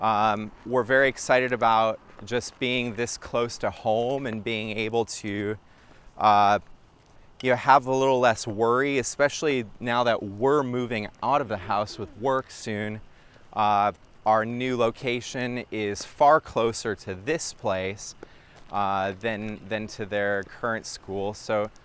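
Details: Adult man speaking; normal speech.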